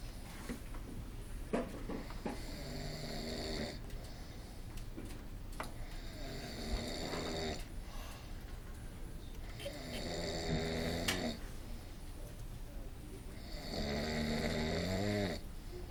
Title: Snoring at the Best